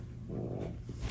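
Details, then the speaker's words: A low, rumbling, rattly breathing sound from a pet lying right next to the speaker: snoring. "also one more thing max is right next to me making this video you will hear him snoring i humbly apologize about that"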